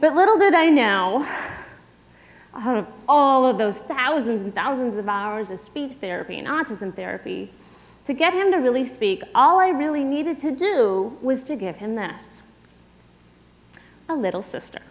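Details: Adult woman speaking; typical speech.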